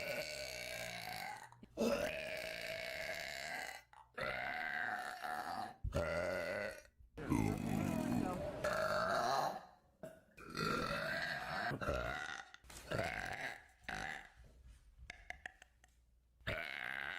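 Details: A series of long, loud, voiced belches from a woman, with short pauses between them, one after another; repeated burping.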